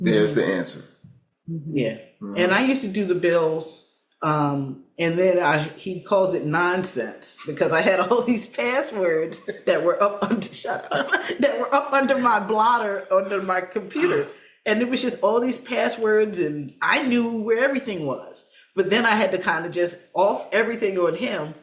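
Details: Aphasia in an adult woman, a stroke survivor with post-stroke aphasia.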